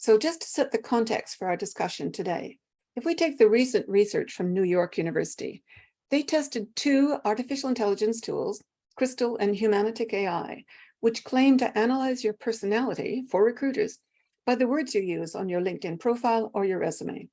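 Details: Adult woman speaking; normal speech.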